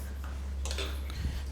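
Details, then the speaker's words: A brief soft click over low room hum as a woman's foot is manipulated during a chiropractic manual therapy session, described as the joint releasing; joint cavitation. "カチッという心地よい音が聞こえましたか？通常はこの側でロックが解除されます…"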